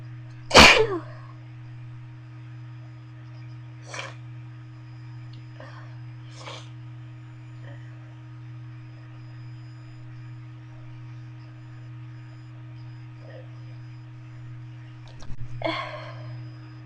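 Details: Induced sneezing, tickling the nose with a bobby pin, in a session of about 30 sneezes: one loud sneeze, a few softer stifled sneezes and sniffs, then another sneeze, over a background hum.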